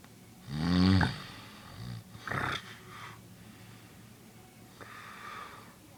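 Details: A father snoring: a loud, rough, rattling snore on an in-breath, then softer snorting breaths in a quiet room.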